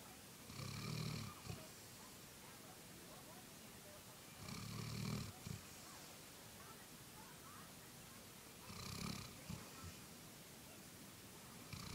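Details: A golden retriever snoring: three low, buzzing snores about four seconds apart, roughly 15 breaths a minute, over a steady background hiss; snoring.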